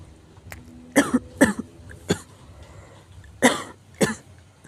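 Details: Severe cough: an adult coughs about five times in quick, forceful bursts with short pauses between them.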